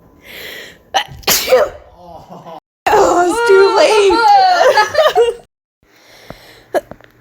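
One explosive sneeze with a sharp intake before it, followed by speech and faint background music.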